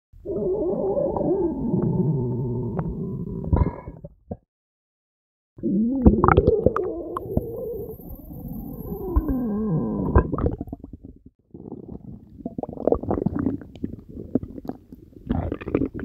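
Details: Belly gurgle ASMR recording after drinking Diet Coke with Mentos: long gurgling, bubbling rumbles with squeaky rising and falling tones, active bowel sounds of ordinary digestion.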